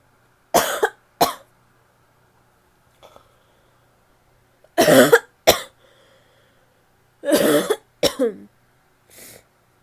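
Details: Barking cough from a woman: harsh, barky coughing.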